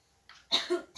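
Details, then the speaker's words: Effective controlled cough taught during chest physiotherapy to a coughing adult woman producing sputum: a soft deep inhalation followed by one strong, forceful cough burst to clear sputum. "Iya nanti batuk efektif itu bisa dilakukan sendiri ya hari nafas dulu nomornya keluarkan"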